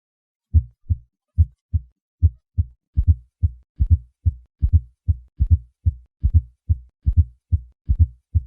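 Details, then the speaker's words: Fourth heart sound (S4 gallop) in a patient: three normal beats, then S4 added in late diastole just before S1. It is heard at the cardiac apex in the left lateral position and indicates a stiff, non-compliant ventricle. "listen to a patient with a fourth heart sound i will begin with three normal beats and then add the fourth heart sound"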